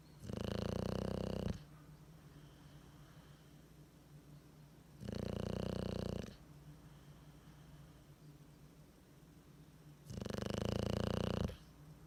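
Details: Loud rumbling snoring in a sleeping bulldog whose tongue hangs out, recurring every four to five seconds (about 13 a minute), with noisy breathing between snores.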